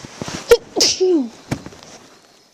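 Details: A deliberate, unstifled sneeze made on request, turned to the side: a sharp, loud voiced burst with brief short clicks before and after, in a quiet room.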